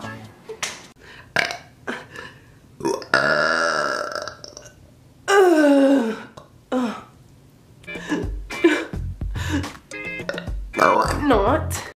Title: Burps Part 1